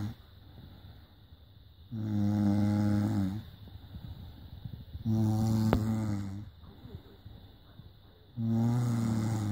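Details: Snoring recorded on a smartphone during sleep: loud, deep, rattling snores on each breath in, about three in ten seconds, with quiet breaths between; ordinary snoring.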